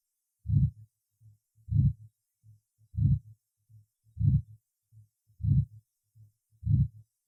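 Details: Aortic stenosis at the second auscultation point, 2nd right intercostal space: slow regular heartbeat about 50/min with a loud rough systolic murmur on each beat; the second sound is usually weakened.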